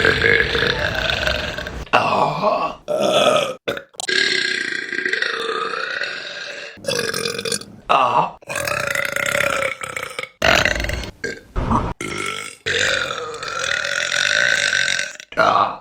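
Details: Compilation of burps: a run of long, loud, deliberate-sounding burps one after another with brief pauses between them; burping.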